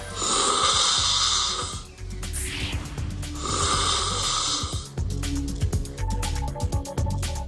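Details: Severe snoring from a patient in their 20s whose snoring worsened after weight gain and has recently disrupted sleep.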